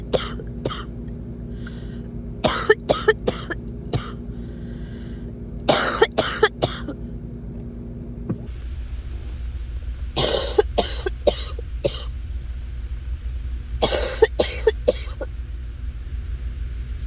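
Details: Person coughing while sick: several bursts of repeated sharp coughs, some in quick runs, over steady engine or traffic noise.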